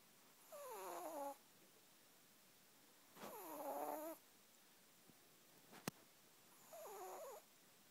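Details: Snoring: three slow, drawn-out snores with a whistling, squeaky tone, about one every three seconds, in a quiet room.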